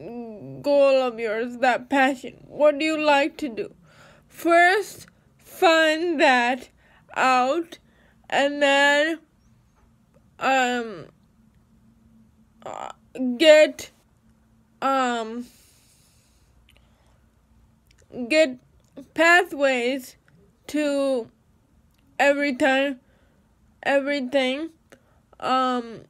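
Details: Dysarthric speech in a woman with cerebral palsy.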